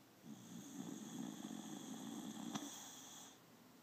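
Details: Snoozing on owner's lap snoring: one soft, fluttering snore lasting about three seconds over a faint steady hiss.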